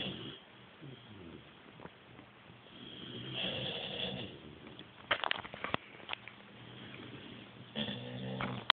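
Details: American bulldog asleep, snoring: noisy, rattling snoring breaths with snorting bursts.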